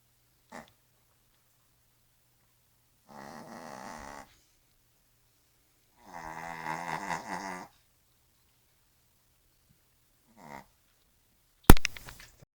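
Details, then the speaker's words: Sleeping Yorkshire terrier snoring: low, rattling snores, a few drawn-out breaths with quiet pauses between, ending in a sharp knock. "Alice, you snoring. Alice, my little chick. I don't know how you sleep with her."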